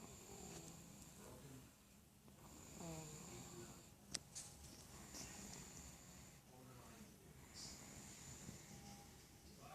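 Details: Six-month-old girl snoring: soft, wet, slobbery snores with gurgling, moist breath sounds at an irregular pace in a quiet room.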